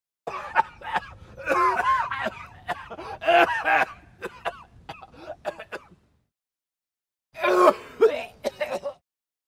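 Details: Adult coughing: a run of harsh, voiced coughs and throat-clearing, a pause, then another short bout; sound effect recording.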